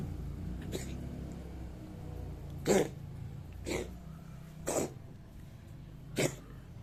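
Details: Five short, harsh, hacking bursts about a second apart over faint room noise: a cat coughing.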